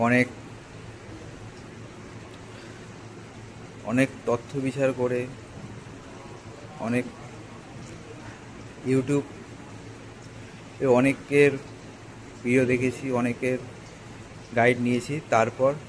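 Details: Adult male, Bengali-speaking, with a stammer for many years, after about four weeks of stammering training: stuttering.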